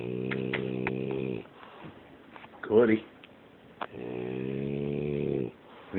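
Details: French Bulldog snoring very loudly while asleep: loud droning snores in long breaths with a brief snort between them; heavy flat-faced-dog snoring.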